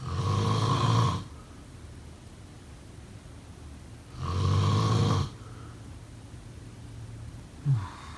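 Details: Snoring.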